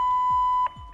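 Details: ZOLL AED 3 defibrillator in a rescue demonstration, after "shock advised" and the shock button is pressed: a steady loud tone lasting over half a second, then cut off, as the shock is delivered.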